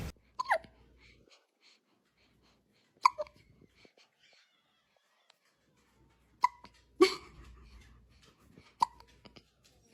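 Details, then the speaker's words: Newborn baby: several sharp, brief hiccups over ten seconds with irregular spacing, in a quiet room; infant hiccups. "You had the hiccups? Yeah, do you had the hiccups?"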